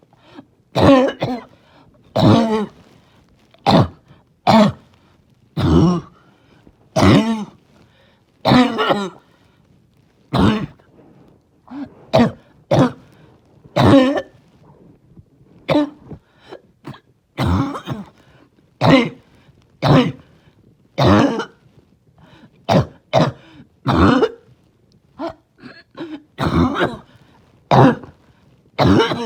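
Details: Adult barking cough, trying not to choke on a rough day: repeated harsh, barking coughs with throat-clearing sounds between bursts.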